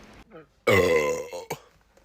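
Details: Burp: one loud, drawn-out, croaking belch lasting close to a second, then a short throaty tail.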